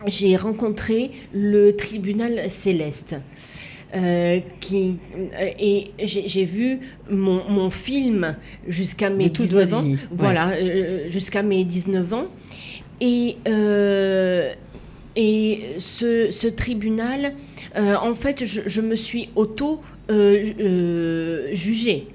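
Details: Woman with aphasia and right-sided hemiplegia after a stroke at age 19; for years could not place her tongue correctly and still struggles today; aphasia.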